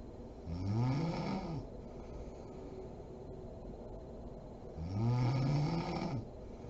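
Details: Mother snoring while asleep: deep, low, rumbling snores on each in-breath, two in under seven seconds, with quiet pauses between.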